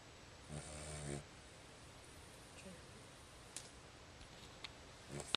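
A single short rumbling snore from a sleeping dog, then quiet room noise; ordinary snoring.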